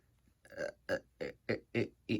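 Six short, croaky burp-like sounds in quick succession, voiced for a plush-toy skit.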